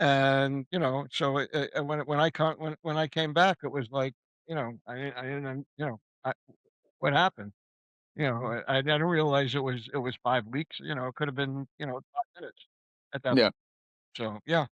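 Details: Mild residual aphasia in a male stroke survivor whose stroke came at a young age about 10 years ago, after a known brain cyst and a concussion; he was in a coma for five weeks.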